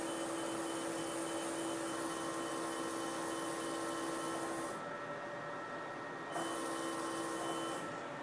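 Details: Fractional CO2 laser treating moderate facial photoaging in a 67-year-old non-smoking woman, passing over the upper lip and lower face: steady machine hum with a sustained electronic tone that cuts out and resumes as the device fires.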